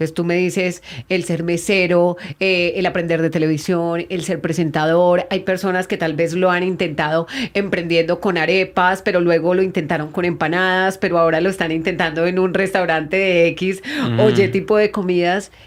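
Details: Adult speaker, Spanish; normal fluent speech.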